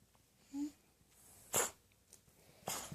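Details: Cat sneezing, owner wonders about allergy (blanket?), hairball or dry throat from sleeping upside down: two short, sharp, hissing bursts of air about a second apart in a quiet room.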